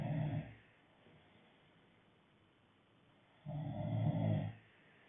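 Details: Low, rumbling snores on two breaths about three seconds apart, separated by quiet; snoring.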